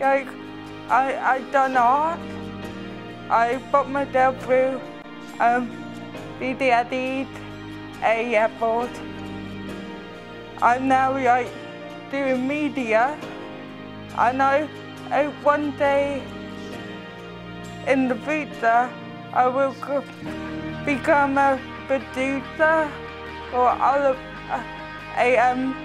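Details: Young person born with cerebral palsy, a condition the physiotherapist says can affect speech; dysarthria (cerebral palsy).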